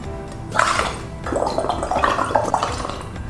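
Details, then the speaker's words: Stethoscope teaching demonstration of crackles: wet, bubbling, popping sounds through the breath, described as a sign of liquid or blood in the lungs. "This is called crackles. The sound of crackles occur when a person has liquid or blood in his lungs."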